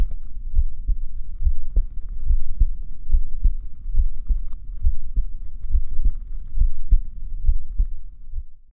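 Steady low paired thumps at about 70 beats a minute with a faint hum behind; ordinary heartbeat.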